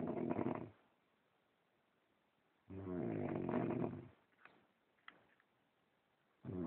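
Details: Two loud, vibrating snores separated by quiet pauses, with a third beginning at the end; about three breaths of a person snoring, recorded on a phone.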